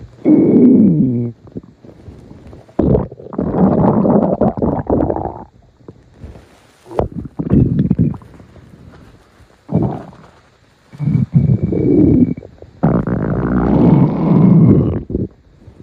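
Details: Long, loud gurgling and rumbling bursts with quiet gaps between them, a growling stomach (borborygmi).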